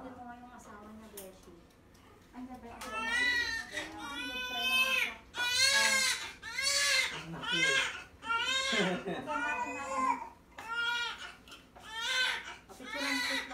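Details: Newborn baby boy crying in the minutes after a normal delivery: repeated strong, high-pitched wailing cries with brief breaths between, over quiet room talk.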